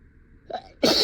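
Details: A soft inward catch of breath, then a loud, explosive sneeze, acted in a simulated scenario of desperate sneezing while teaching a class.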